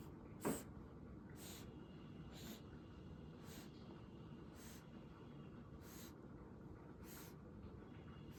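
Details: Newborn breathing: soft, regular breath sounds over a steady background hiss, about 7 breaths in 8 seconds (roughly 50 a minute), normal for a newborn.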